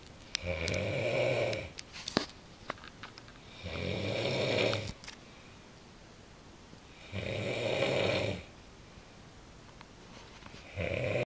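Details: Loud, rattling snores from a sleeping sister recur about every 3.5 seconds, roughly 18 breaths a minute, with quiet gaps between them; snoring.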